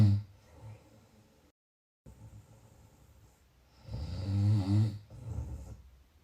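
Low, rumbling snores on the in-breath, two or three within a few seconds, with quiet pauses between; ordinary snoring.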